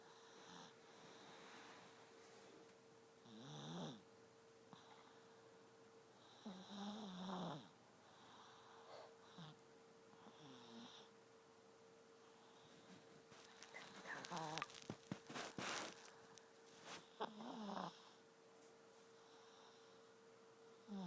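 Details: 7-year-old sleeping with tongue sticking out: irregular rasping, snorting breaths over a steady electrical hum and some rustling; snoring.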